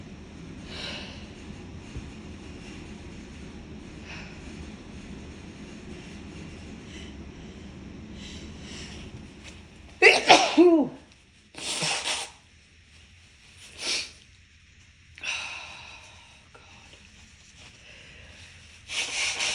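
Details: Sneezing fit while cleaning, after a familiar tickle: several quick sneezes in a row, about four or five, over steady background noise.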